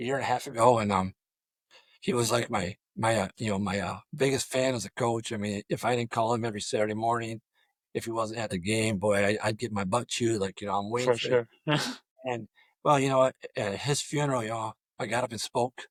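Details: Adult male high school football coach with over 34 years of coaching who has stuttered throughout his career; stuttering.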